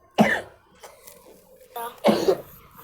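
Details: An adult who apologizes for coughing gives two separate short, harsh coughs in a quiet indoor room, with a brief breath between them.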